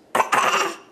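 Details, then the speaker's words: Two quick, forced cough bursts from a young child deliberately faking a cough; a voluntary pretend cough, not illness. "Uh-oh, your sickness is back. Uh-oh. Oh no. Sounds like a treacherous cough. That sounds horrible."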